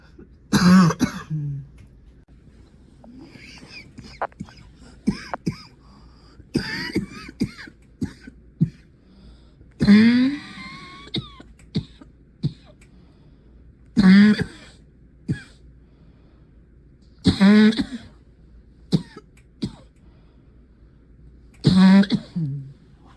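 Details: Cough from an adult sick with a cold: about six harsh, forceful coughs with throat clearing and breathing in between.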